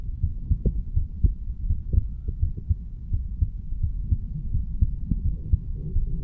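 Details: 35-year-old male standing up, heartbeat recorded at the mitral (bicuspid) valve area: normal heart sounds.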